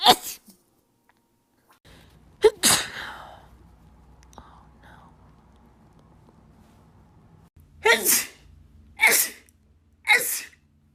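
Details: A run of six quick, forceful sneezes with soft breaths and a low hum between them, from a compilation of one person's rapid repeated sneezing.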